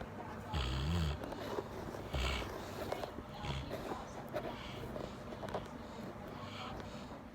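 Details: A sleeping golden retriever giving irregular snorting, rumbling snores over a noisy background: loud dog snoring.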